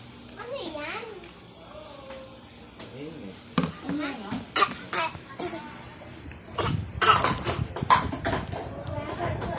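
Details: A baby drinks water, babbles, then gives several short, sharp, deliberate coughs, a playful imitation rather than an illness cough.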